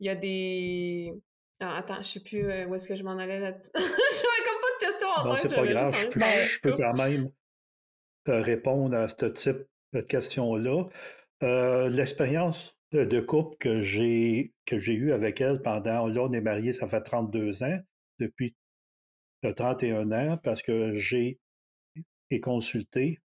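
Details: Adult man in his thirties who stutters; stuttering.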